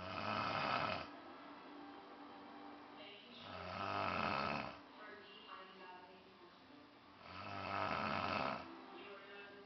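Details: Uncle snoring during sleep at home: three loud, rumbling, vibrating snores, about 16 a minute, with quieter breathing between; regular snoring.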